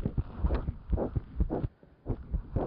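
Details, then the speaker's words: Newborn girl, unhappy and being comforted, examined by stethoscope over the heart; the rapid, regular heart sounds are pure, correctly located and not split, with clear first and second sounds and no murmur: normal heart sounds. "her heart tones are pure and they're correctly located i do not hear anything in the way of a murmur at all"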